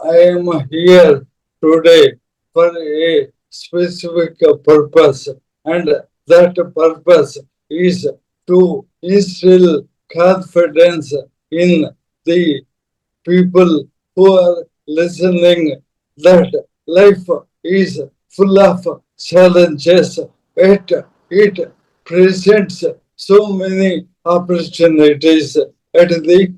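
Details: Adult man, a corporate strategist of 30+ years, with Parkinson's from 2022, diagnosed late, later ALS (motor neuron disease); mobility and speech very severely affected; slow speech with long pauses; dysarthria (motor neuron disease).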